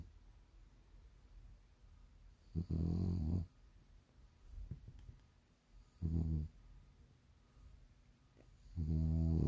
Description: Morning rituals.. sleep and snore. Bulldog days